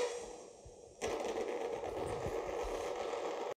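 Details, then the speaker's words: EMG speaker during botulinum toxin injection into a neck muscle, 50 units: a quiet hiss that jumps into a loud, dense crackling rumble as the muscle tenses; the sound fades as the muscle relaxes or the head turns straight. "you relax the muscle or turn your head straight then this sound will progressively decrease until it is absent the more the muscle tenses the louder the sound you hear through the speaker will be it will be more constant"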